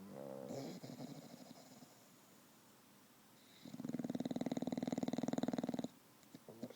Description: This is my bulldog, Winston, after a fun filled afternoon at the dog park. however, the snoring is an everyday thing. Just louder when he's pooped!